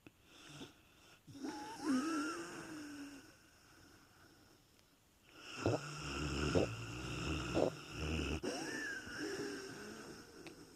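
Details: Puppy named Reese snoring in heavy sleep: squeaky, whistling breaths and short snorting snores in irregular bursts.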